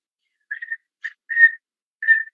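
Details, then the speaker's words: Respiratory examination teaching: wheezes, four short high musical whistling sounds on a silent background, which may occur in inspiration or expiration, from narrowed fine bronchi due to stenosis, exudate, mucosal edema or mucus. "Tenemos las sibilancias. Es un silbido que puede ser en ambos tiempos."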